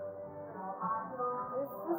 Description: In this demo, you are slowly getting a Noise Induced Hearing loss.